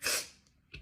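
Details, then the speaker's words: Rapid repeated sneezing from a compilation clip: one sharp, hissing sneeze followed by a quick breath in, part of a run of sneezes. "Yeah. I feel like I only sneeze in increments of like Bless you."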